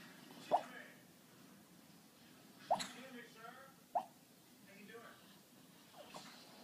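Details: Sleeping Chihuahua snoring with irregular sharp little pops and clicks like raindrops and faint soft sounds between; owner wonders if he is dreaming and barking in the dream.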